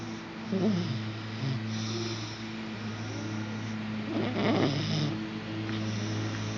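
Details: Harsh, snore-like noisy breaths during sleep in a child almost 5 years old: stridor from laryngomalacia.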